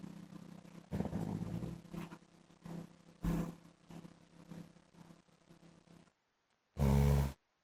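Deep, rumbling, fluttering snore sounds in quick bursts, like an engine idling, then one loud final snore; heavy snoring.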